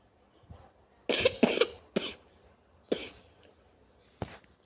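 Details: A run of about four to five dry, abrupt coughs in a quiet room from a narrator who apologizes for a slight cough while reacting to videos; cough.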